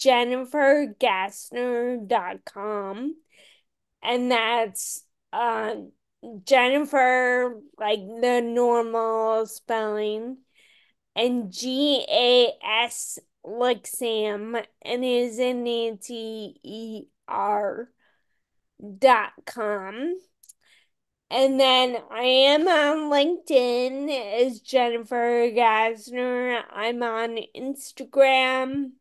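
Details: Ataxic dysarthria in a woman with Friedreich's ataxia, a rare, genetic, progressive disease diagnosed around age 16 in 1990 and genetically confirmed around 1999-2000; she reports longstanding voice issues.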